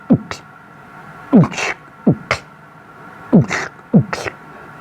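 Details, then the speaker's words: Voiced imitation of a heartbeat with two extra whooshing sounds, mimicking the speaker's own two murmurs: mitral valve prolapse (mitral valve flutters on closing) with pulmonary stenosis; not a real heart recording. "i have two heart murmurs believe it or not what's a heart murmur a heart murmur is an extra sound produced by some type of abnormality or defect to one of these four valves"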